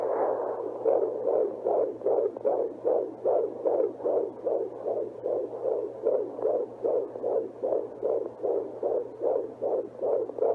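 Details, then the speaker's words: Fetal heartbeat found with a home fetal Doppler by a pregnant woman who had first-trimester bleeding: rapid, regular galloping whoosh-thumps at about 150 a minute. "being able to listen to the baby's heartbeat every few days just really helped put me at ease."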